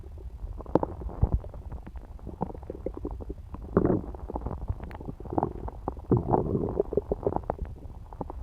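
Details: Stomach noises (bowel sounds) from a woman's belly after eating pizza.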